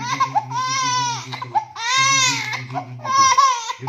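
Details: Baby crying in reaction to a sneeze: three loud, high-pitched crying bursts separated by brief catches of breath; ordinary distressed infant crying.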